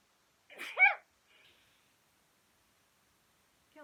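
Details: Adult sneezes once just after a bath: a brief breathy build-up, then a sharp voiced burst and a faint trailing exhale in a quiet room.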